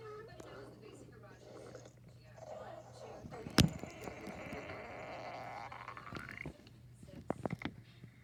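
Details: Woman's stomach growling, recorded with the VideoCam+ iOS app: gurgling, rumbling abdominal sounds with a long rising squeal. Ordinary borborygmi.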